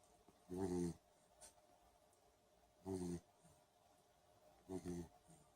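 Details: Three regular low, buzzing snores a few seconds apart, about 26 a minute with quiet between; ordinary snoring on breathing in during sleep.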